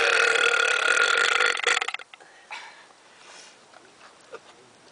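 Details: One deliberate, long, loud, rattling burp from a man, lasting about two seconds and fading into quiet room noise; burping.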